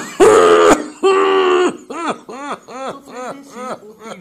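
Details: COPD cough.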